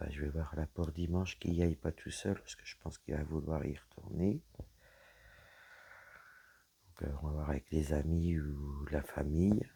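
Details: Woman whose vocal cords were damaged by a serious health problem; her voice is deeper than before, at times she has little voice, and she cannot speak loudly; dysphonia.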